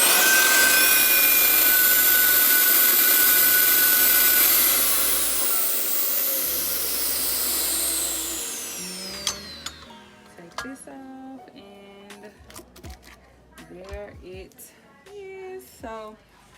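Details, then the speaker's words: Dental vacuum former pulling heated plastic down over a model to make custom take-home whitening trays: loud steady rushing vacuum whine that winds down, then quieter clatter and handling sounds; dental vacuum former running. "so what i'm gonna do now is remove the heat i'm gonna kind of loosen it up and you're gonna hear a"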